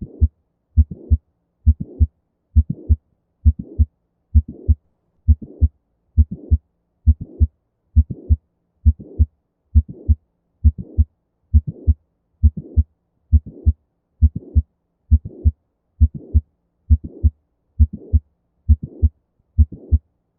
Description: Mitral Valve Prolapse is described as a mid-systolic click usually accompanied by a late systolic murmur.